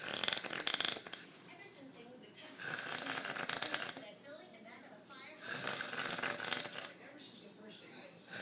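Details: Very loud snoring in a sleeping man described as struggling to get air, tongue seen falling back into the throat: harsh, rattling snores in long bursts with quieter breathing between.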